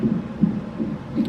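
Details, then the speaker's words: Fetal heartbeat on a Doppler monitor, strong, steady and fast at about 150 beats a minute, recorded in hospital from a pregnant woman the day after a three-vehicle crash; she is on IV medicines and steroid shots. "i know y'all can hear the baby's heartbeat it's pretty strong and steady but um"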